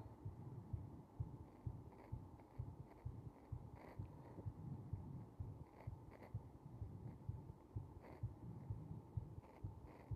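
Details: Slightly slow heartbeat recorded under compression: dull, regular paired heart thumps at about 64 beats a minute, with muffled rubbing noise.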